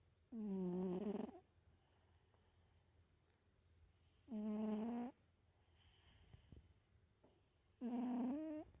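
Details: Three long, tonal snores about 3.5 seconds apart, roughly 17 a minute, with quiet breathing between, from a sleeping cat; the owner asks whether the cat has a bad nose. Snoring.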